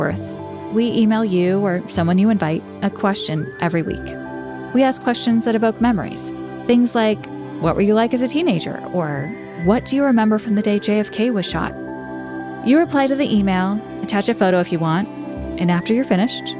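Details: Adult speaker; typical speech.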